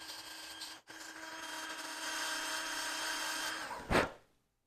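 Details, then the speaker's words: Steady high-pitched whine of a dental handpiece reducing a tooth for crown preparation, stopping briefly once, then a short burst of air. "bom acho que eu já fiz o desgaste necessário"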